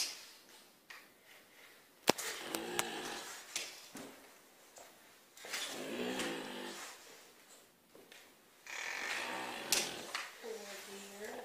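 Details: Irregular, rough, noisy snoring breaths with a low groaning tone and a few knocks in the room from a wild deer tranquilized by dart and a hand-given second dose, its right rear leg severely injured.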